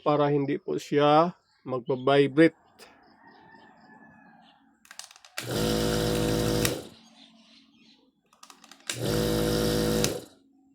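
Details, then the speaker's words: Nebulizer compressor that sounded abnormal and rattled before repair of its rocker-arm and piston mechanism, now running smoothly: brief speech, then two runs of steady buzzing motor hum, each about a second or more. "So ayos na, smooth na ang kanyang andar."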